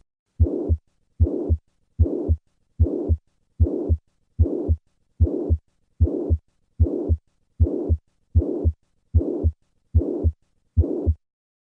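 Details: Mitral regurgitation (pansystolic murmur).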